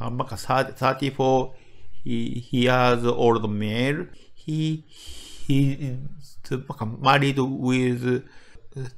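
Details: Adult medical doctor from Japan with developmental (childhood-onset fluency disorder) stuttering, speaking English; word repetitions audible; stuttering.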